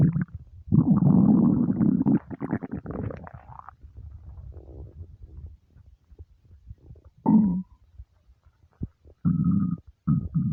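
Low gurgling rumbles and squeaks from the belly coming in irregular bursts, ordinary hunger-related bowel sounds.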